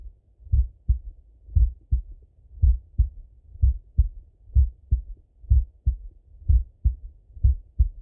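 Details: Male full heart auscultation through a stethoscope, recorded partly sitting at a desk and partly lying in bed: steady paired lub-dub beats at about 63 a minute; normal heart sounds.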